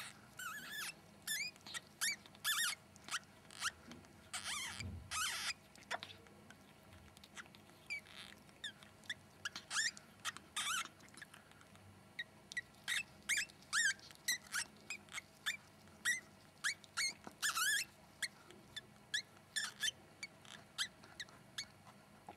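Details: Ferret giving birth to a litter of sable kits; the first newborn kit (blind, hairless, about 10 g) cries as the mother cleans it: many high, thin squeaks and chirps in short bursts, normal newborn kit vocalizations.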